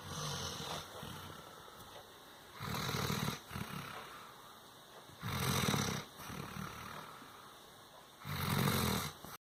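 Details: Sleeping Doberman after a hard day: loud, rough snores about 20 a minute with quieter breaths between; snoring.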